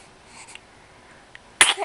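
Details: Person smiling, then one sudden sharp sneeze at the end, in a quiet room with faint soft sounds.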